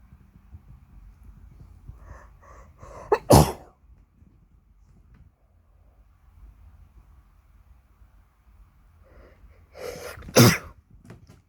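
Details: Two ordinary sneezes in a quiet room, each preceded by short catching in-breaths and ending in a forceful burst.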